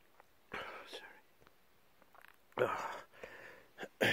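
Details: Several short, forceful sneezes a few seconds apart, with quiet breaths between them in a small room; a sneezing fit in a person with a cold.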